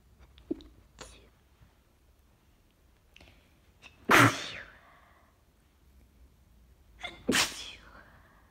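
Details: Person sick with a bad cold, sneezing fit: two stifled, partly covered sneezes, each preceded by brief catching breaths, in a quiet room.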